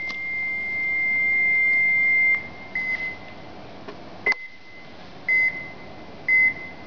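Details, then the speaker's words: Short electronic beeps, roughly one a second, after a long tone: a Cardiopad ECG monitor detecting heart activity once electrodes are placed back on the patient's chest. "the device detect her activity and now you can hear a short PE"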